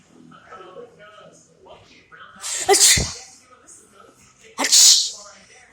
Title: Pepper sneeze challenge